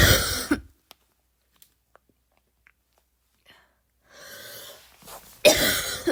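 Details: Adult imitating a barking cough (not a real patient): two harsh, loud cough bursts separated by quiet and a noisy breath in.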